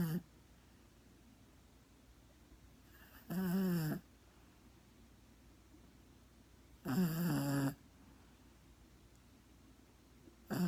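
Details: Chico, a sleeping dog, snoring: short, low, fluttering snores about every three and a half seconds, with quiet stretches between.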